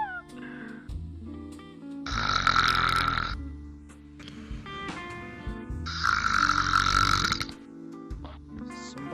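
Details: Simulated snoring from a virtual reality game character napping at a bar: two long, loud, rasping snores over steady background music.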